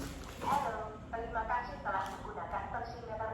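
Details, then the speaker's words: Automatic blood pressure monitor (tensimeter) switched on after its adapter is plugged into mains power: a synthetic voice prompt giving spoken usage instructions, before the arm cuff is fitted. "ada suaranya ini suaranya ada petunjuk pemakaiannya"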